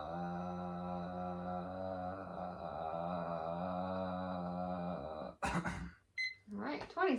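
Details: Adult at a bedside swallow evaluation, seen for occasional acid reflux, second sustained 'ah' trial lasting 20 seconds; good breath support, voice mostly steady; sustained phonation, maximum phonation time task.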